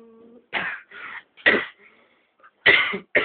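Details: Boy singing "I Will Always Love You" breaks off into three or four harsh, bursting coughs in quick succession.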